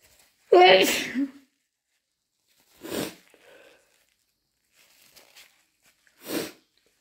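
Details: Possible hay fever with itchy, watery eyes and itchy ears, in the morning with a sensitive nose; induced sneezing: a loud wet sneeze then two explosive sneezes with sniffles and nose blows, ending snotty and stuffy.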